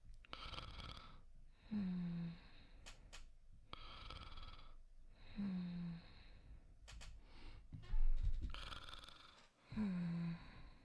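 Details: Simulated snoring performed by a voice actor in a sleep roleplay: soft, regular, low rumbling snores on each inhale and gentle exhales.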